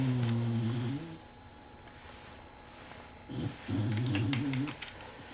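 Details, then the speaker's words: Female dog asleep in her little bed, recorded live in real time, gives two long, low rumbling snores a few seconds apart in a quiet room; ordinary snoring during sleep. "Bailey's over there in her little bed snoring. What would we do without Bailey snoring?"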